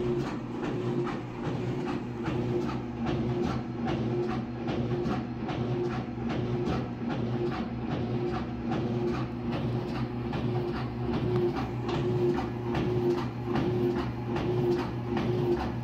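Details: Mechanical heart pump (V2) driving a heart phantom: steady mechanical hum with rhythmic pulsing clicks at about 74 a minute; mechanical heart pump operating.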